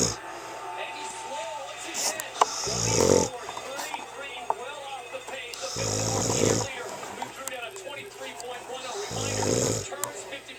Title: Snore Olympics 2010